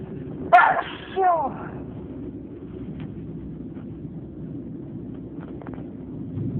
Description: This is my last sneezing fit, maybe for the change of the season...enjoy!